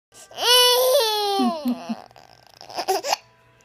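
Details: Tired baby boy upset by hiccups: drawn-out, falling wail followed by short fussy whimpers; infant crying.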